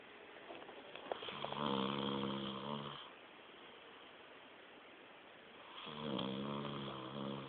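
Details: Adult man who passed out asleep at a friend's place, snoring "like a chainsaw": two loud, buzzing, rattly snores on breathing in, separated by quiet breathing out; ordinary snoring.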